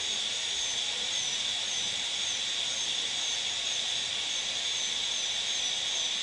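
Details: Molar crown preparation for a porcelain-fused-to-metal crown, occlusal reduction: steady high-pitched whine with hiss, a high-speed dental drill cutting tooth; dental high-speed handpiece.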